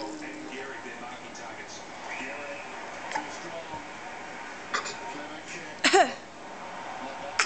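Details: A 7-month-old infant gives a single short, voiced fake cough burst against steady background talk and television: voluntary (fake) cough.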